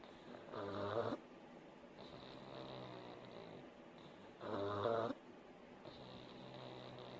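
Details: Pug dog sleeping, from an hour-long snoring recording: regular, buzzy, rattling snores on each in-breath about every three to four seconds, with quieter breathing between.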